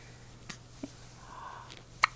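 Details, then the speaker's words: Soft, brief hiccup sounds from a baby girl in a good mood, about three in two seconds, over quiet room hum; infant hiccups. "hi she's in a good mood even with the hiccups oh I'm going to give her juice so that'll help a baby girl"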